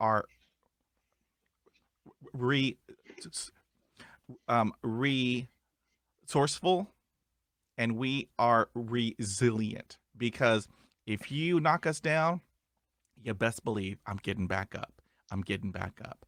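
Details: Adult male who stutters; stuttering.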